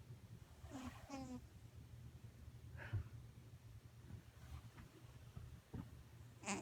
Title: My cat snoring